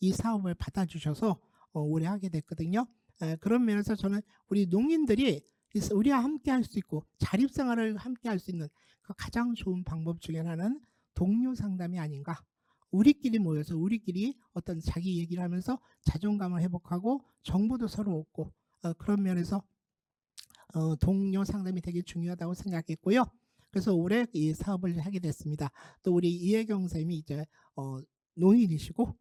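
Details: Adult speaker; Typical speech.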